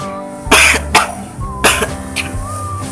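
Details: Four short, harsh adult coughs in two pairs with soft background music; the speaker says they are coughing now, before showing a herbal cough remedy.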